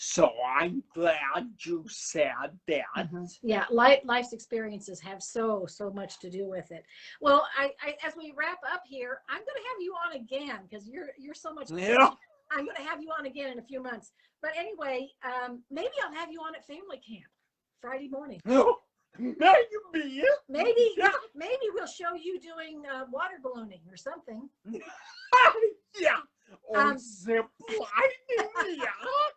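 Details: Adult woman speaking; Normal speech.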